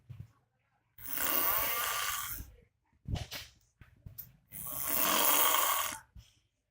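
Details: Person asleep on a tiled floor, snoring very loudly: two long, harsh rattling snores on breathing in, with quieter breathing between them.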